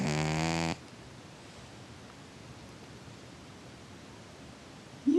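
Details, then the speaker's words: A sleeping pet cat that snores a lot gives one brief, buzzing snore, then several seconds of quiet breathing and room noise; snoring. "My cat snores a lot. You snoring, buddy?"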